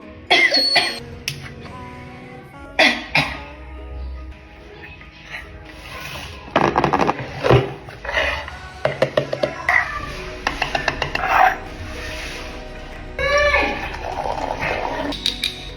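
Several acted adult coughs in short bursts over background music.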